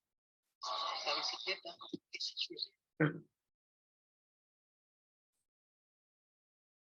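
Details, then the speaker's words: Simulated cochlear implant hearing of a spoken sentence in multi-talker babble noise; short burst of hissy, garbled speech mixed with crowd babble, with more deterioration than with normal hearing. "pero claro la simulación en un implante coclear se nota bastante más el deterioro Y eso está dado porque la señal Efectivamente es más compleja"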